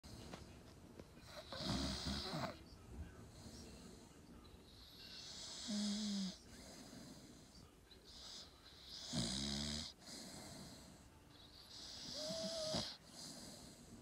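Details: Staffy (Staffordshire bull terrier) snoring in sleep: rough snoring breaths with snorting pulses recurring about every three to four seconds.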